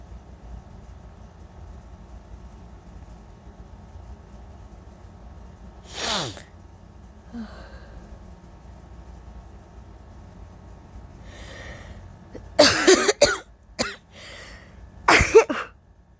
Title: Covered (and uncovered) allergy sneezes, and coughs, with holdbacks🤧😫